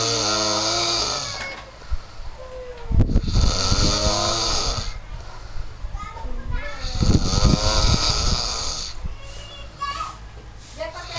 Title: Loudest Snore ever